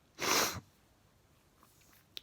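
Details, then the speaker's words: Man sneezing at bedtime: a single loud, explosive sneeze followed by quiet room sound. "oh i wanna sneeze am i gonna sneeze i think it's finished"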